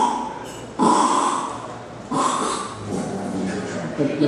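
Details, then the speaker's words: Loud, harsh snorting snores in bursts, crescendo snoring followed by a pause: the typical snoring pattern of obstructive sleep apnea, where the relaxed, narrowed airway closes off during sleep. "The typical snore obstructive sleep apnea is crescendo snoring followed by a pulse like this."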